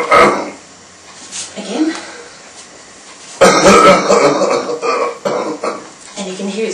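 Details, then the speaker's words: Man with C4 quadriplegia and left hemidiaphragm paralysis, recovering from pneumonia, lying supine in bed: two weak, wet assisted coughs with gurgling during manual abdominal compressions with a shake, secretions moving slowly up the airway. "some secretions that are moving up slowly there and they'll come in a little while just takes a few cycles sometimes to shift the secretions all the way up"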